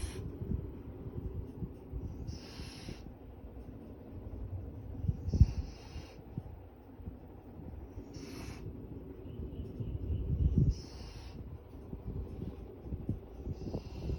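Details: Sleeping golden retriever snoring in a steady rhythm, about 20 breaths a minute, with soft airy hisses.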